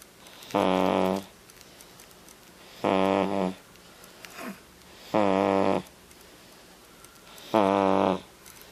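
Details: Five-month-old infant snoring in sleep: loud, regular, buzzing snores about 25 breaths a minute, with quiet pauses between them.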